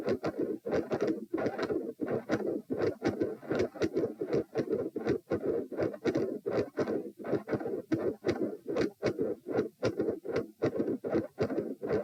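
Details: Heart sounds recorded at position p while standing: loud rumbling machinery-like PDA-like murmur filling most of each beat, split S1 and S2, about 75–80/min; ASD/PFO pattern not apparent, possibly L-R pressure.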